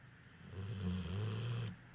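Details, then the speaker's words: Sleeping dog snoring: one long, deep, rumbling breath lasting over a second; loud snoring. "in the background I could hear like what what I assumed was his dog snoring but it really sounded like some slumbering ancient beast yeah that's exactly what it sounded like"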